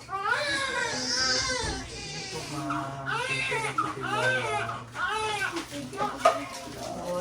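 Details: Strong, high-pitched newborn cries in repeated bursts with clear voicing right after a first-time mother's natural birth, with quiet room voices; a healthy first cry.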